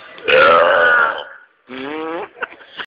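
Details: Burping: a loud, rough belch followed by a shorter voiced burp, then faint clicks and breath.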